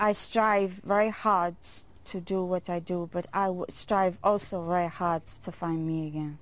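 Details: Adult woman with rare foreign accent syndrome, sudden onset in January after a serious migraine attack, woke up with an accent heard as French; others say Eastern European or Russian.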